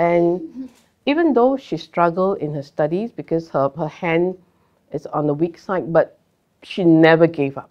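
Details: Adult; typical speech.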